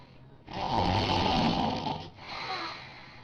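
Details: Friend's very loud snoring that keeps the other person awake: a loud, harsh, rattling snore followed by a softer, airy out-breath; heavy snoring.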